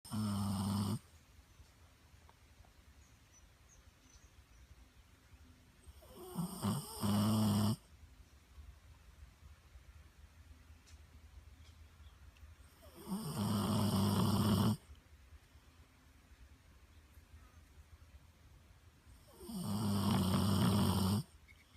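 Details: Sleeping Pitbull dog snoring: loud, rough, low snores about 9 a minute with quiet breathing between them.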